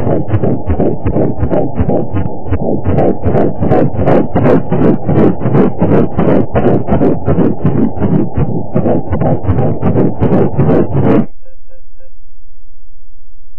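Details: Fast, regular whooshing beats at about 160 a minute, ending abruptly: fetal heartbeat on the fourth ultrasound scan at 11 weeks 5 days of a first pregnancy, in the normal early-pregnancy range; the mother had a small contraction.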